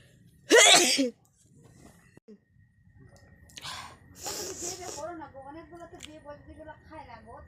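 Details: One sharp, explosive sneeze, then soft breathy sounds and a woman's quiet talk; sneeze deliberately provoked by tickling the nose with a grass flower in a nose-tickling challenge.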